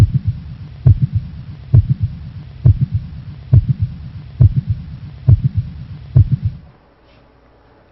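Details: Mid-systolic click (mitral valve prolapse).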